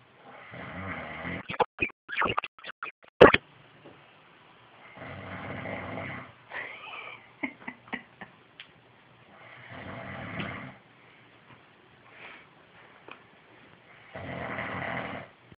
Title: snoring